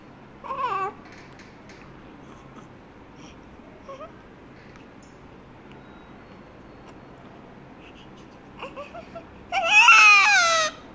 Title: FIRST CRY 😭😭😭